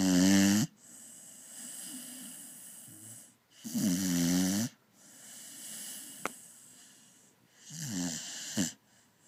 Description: Dog snores like a human.